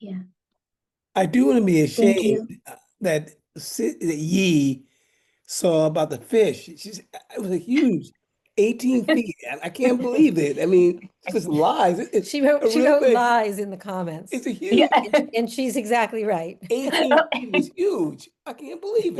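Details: Aphasia following a stroke in 2016, in a man attending aphasia camp.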